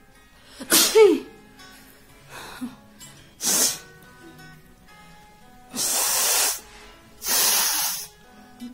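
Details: Several sharp adult sneezes, some with a vocal onset, over quiet background music; staged for a sneezing challenge.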